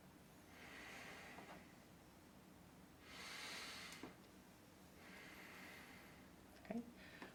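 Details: Breathing deeply during a demonstration pulmonary exam with stethoscope: slow, deep, even breaths, about three breath sounds over several seconds, with a few handling clicks; normal deep breathing.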